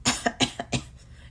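Three short, harsh cough bursts, each with a softer catch after it, from an adult deliberately imitating a cough; an acted demonstration cough.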